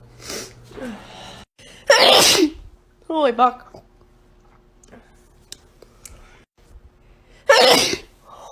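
Two loud, explosive sneezes with brief voices and exclamations between them.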